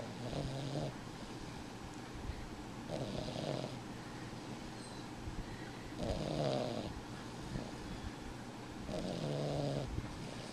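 Four rattling snores about every three seconds over steady room noise; snoring.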